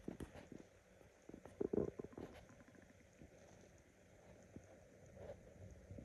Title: Decided to make a stomach growl video because I am hungry.